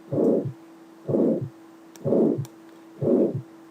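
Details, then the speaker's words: Regular heartbeat near 62 a minute with a harsh, rasping diamond-shaped crescendo-decrescendo ejection murmur filling systole between first and second sounds, radiating to neck vessels: aortic stenosis murmur. "La característica es que está en el en la sístola entre el primero y segundo ruido. Es un soplo de tipo romboidal increcendo decrecendo. Si nosotros ocultamos es rasposo."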